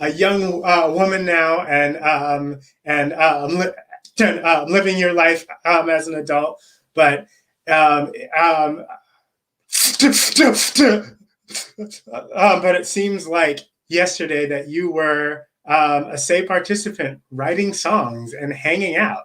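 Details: Adult man, a self-described person who stutters, with stuttering; repetitions and long pauses.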